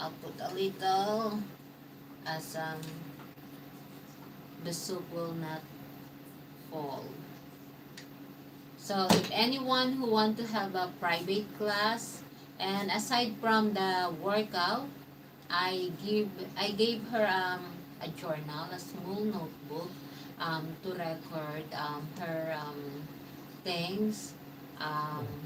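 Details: Man, 115 days into self-therapy for mild aphasia after stroke, restarting his sentence with hesitations; mild aphasia after stroke.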